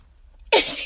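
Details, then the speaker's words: Sick person with a smoky voice and frequent cough, in a parked car, purposely sneezing: a single sudden, high-pitched, squeaky sneeze after near silence. "God, the squeakiest of sneezes. Oh. I sound was so pitiful right now."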